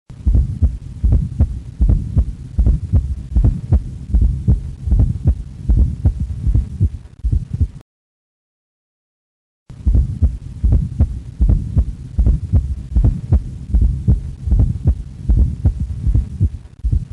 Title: 4th heart sound